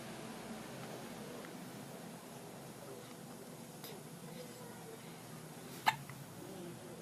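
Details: Pet with hiccups: one sharp hiccup click stands out against quiet room noise, with a fainter one earlier.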